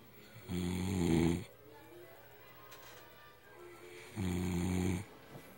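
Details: Adult man, a heavy alcohol drinker, snoring in sleep: two loud, deep, buzzing breaths with a croaky, vibrating, bullfrog-like tone and quiet gaps between; heavy snoring.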